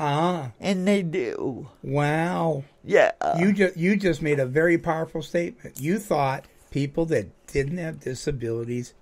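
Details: Adult male speaker; typical speech.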